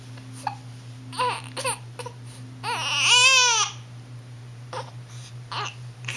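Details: Sleepy infant girl aged 1 month 1 week having hiccups: short fussy whimpers build into a brief wailing cry, then settle into soft whines; infant cry.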